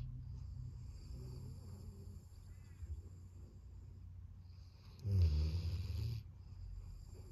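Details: Golden retriever asleep under a desk at his owners' feet: soft, low rumbling snores with one louder snorting breath over faint room noise; dog snoring.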